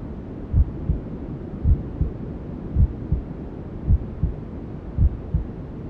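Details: Maternal heartbeat sound with white noise and other womb sounds, for settling a newborn to sleep: muffled regular double thumps about 54 a minute under a steady whooshing hiss.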